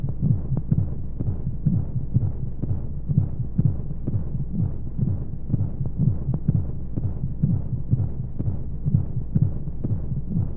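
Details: Womb sound sleep aid for babies: regular low thumping heartbeat at about 125 a minute under a steady whooshing hum and monotone flow noise with white noise, like sound from inside the womb; heartbeat.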